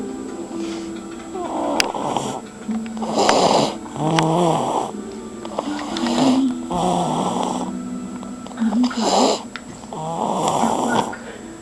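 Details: A sleeping individual snores surprisingly loudly: repeated noisy, fluttering breaths about every two seconds over room noise and faint music.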